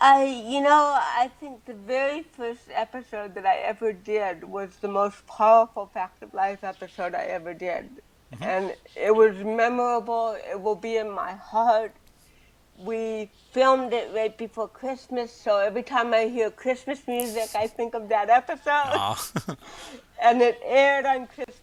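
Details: Adult woman with cerebral palsy from birth, also hearing impaired and wearing hearing aids, speaking in a real 2013 interview; dysarthric speech in cerebral palsy.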